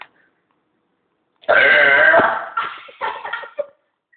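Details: Long, loud voiced belch lasting about a second, then a few shorter trailing burps; burping.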